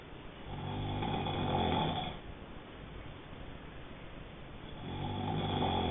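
Two long, low buzzing snores on the in-breath, separated by quieter breathing: snoring during sleep.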